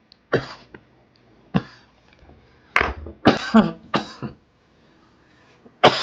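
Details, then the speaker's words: Adult man in a live late-night smoking stream, saying he sounds like a smoker and mentioning his asthma, gives a run of about six harsh coughs with throat clearing in six seconds. "I'm [ __ ] sounding like a smoke. I can't my asthma attack."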